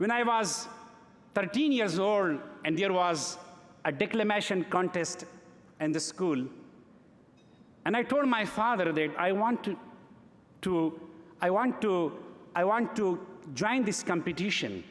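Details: Adult man who has stuttered since early childhood, giving a speech in English at a gala: stuttering.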